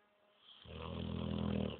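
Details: Female Ca de Bou dog snoring during her afternoon nap: a single low, rumbling, rattling breath sound while sleeping deeply; snoring.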